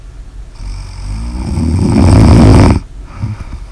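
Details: Snoring: one long, loud, building rattling snore on breathing in, ending abruptly.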